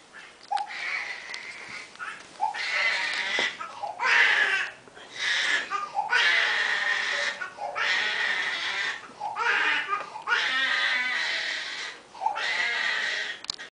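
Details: Infant crying: repeated loud, high-pitched wails separated by short breaths.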